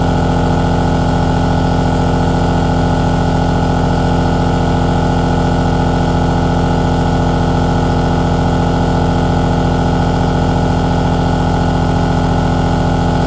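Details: Aerosol nebulizer compressor running: steady mechanical hum with a fast, even pulsing throb, continuing unchanged throughout.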